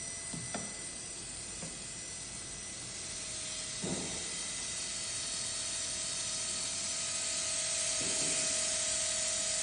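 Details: KOUNGSUN 1:1 fiber-optic contra-angle dental handpiece, steady high-pitched whine with a rising hiss and a few faint knocks; dental handpiece running.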